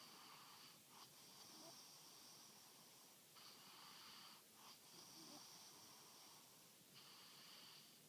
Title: Our snoring angel